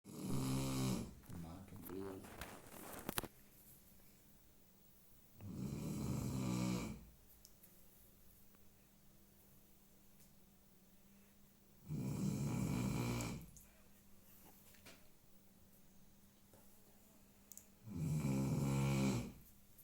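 Low, rumbling snores on the breaths in, about 10 a minute, with quiet pauses and a faint room hum.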